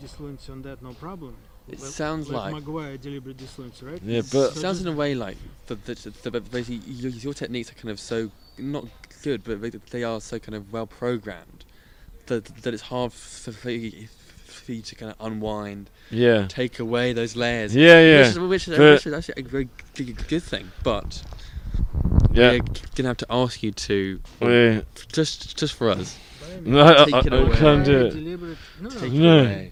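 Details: Adult who stutters, currently stuttering 'out of control' deliberately without fluency techniques for about a month; struggles began about five months ago, partly after starting ADHD medication; stuttering.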